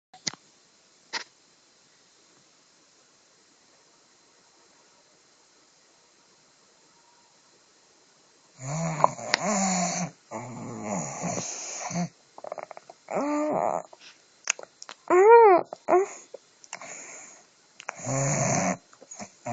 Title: ME SNORING